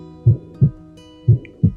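Paired heart sounds at about 60 beats a minute, with a faint, even murmur filling the gap from the first to the second sound. This holosystolic plateau murmur is tricuspid regurgitation, usually from right ventricular dilation. A steady background hum is present.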